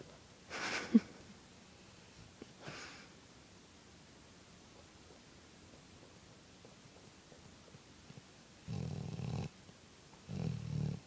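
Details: A dog snores in a quiet room: two airy, hissing breaths, then two low, buzzing rattling snores with quiet pauses between; snoring.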